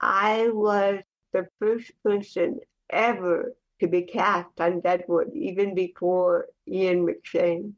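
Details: Dysarthric speech in cerebral palsy, heard in the real conversational speech of an adult woman.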